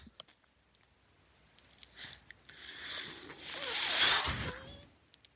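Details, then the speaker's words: Podcast host's own ventilator heard during speech: a soft airy hiss swelling and fading over about three seconds with a faint squeak, like a single machine-delivered breath; mechanical ventilator sound. "My name is. That noise you're hearing is my ventilator."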